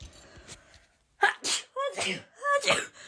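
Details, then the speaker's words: Quick series of three or four voiced sneezes in rapid succession, each a sharp burst with a vocal squeak, after dust from cleaning, following a day of repeated sneezing; rapid sneezing. "just cleaning that means there's dust everywhere that means I'm going to sneeze cuz I've been sneezing all day"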